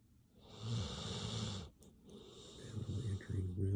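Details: Sleeping dog, possibly in REM sleep: low rumbling snore with a hissing breath, then a quieter breath and another rumble; ordinary harmless snoring.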